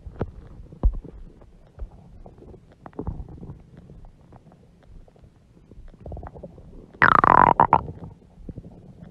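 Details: A mother's huge belly with stomach growling (borborygmi): scattered soft gurgles and pops, then a loud rising-falling gurgling growl.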